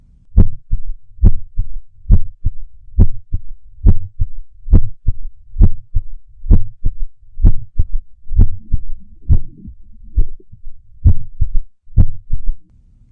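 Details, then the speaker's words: Heart sound clip for NCLEX audio-question learning: an irregular heartbeat, with low lub-dub sounds near 68 per minute, uneven gaps and some extra beats breaking the rhythm. "clips of heart sounds such as a regular sinus beat an irregular heartbeat"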